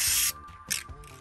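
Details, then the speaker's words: Brief hissing aerosol bursts as liquid bandage is sprayed onto a horse's skin. "this stuff is really cool it is a liquid band-aid um all you do is spray it on"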